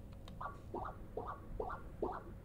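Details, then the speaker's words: Fetal echocardiography pulsed-wave Doppler with the sample just below the mitral valve at color scale around 60 gives rhythmic two-part whooshing pulses, about 140 a minute: normal mitral inflow, with the early E-wave lower velocity than the A-wave. "and there what we are seeing is the normal basic inflow pattern across the mitro valve you will see here that the e-wave this early phase of filling is slightly lower velocity than the a-wave"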